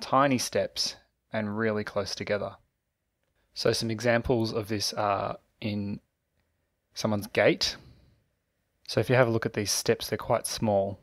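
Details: Adult male narrator; normal speech.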